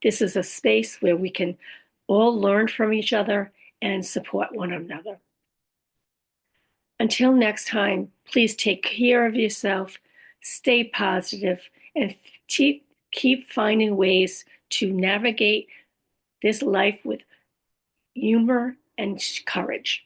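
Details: Adult woman after a stroke with aphasia (language disorder) plus apraxia of speech and dysarthria; her speech can sometimes be hard to understand; aphasia with apraxia of speech and dysarthria.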